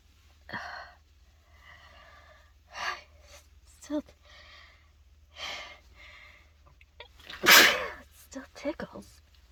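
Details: Adult congested from a cold, after a dose of chhinkni (sneezing powder): a run of about six explosive sneezes with sharp inhaled gasps before each and little pause between, repeated uncontrollable sneezing.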